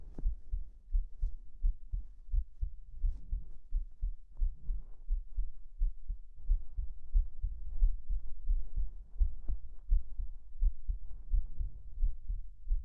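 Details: Steady, regular low heart thumps at about 86 a minute with heavy fabric rustling, a normal heartbeat recorded as a hugging-under-blankets sleep ASMR.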